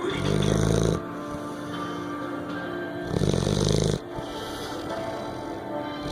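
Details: Two long, loud, rattling snores about three seconds apart, with quieter breathing between and TV dialogue and music in the background; snoring.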